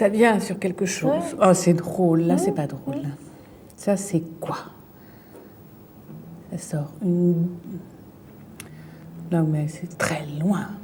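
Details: Fluent aphasia in an adult female with a brain lesion: fluent speech with word-finding difficulty, substitutes one word for another and distorts words while searching for a word during picture naming.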